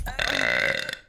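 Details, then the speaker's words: Female adult streamer who says she burps all the time: a single loud, drawn-out voiced burp lasting about a second; ordinary belching (eructation). "y'all are going to know that I burp all the time. So, I cannot. I cannot. Truly, honestly, excuse me."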